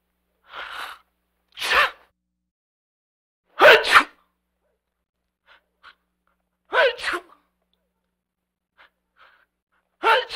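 An adult man sneezes several times in a row, each with a sharp intake then explosive burst, separated by quiet pauses; repeated sneezing.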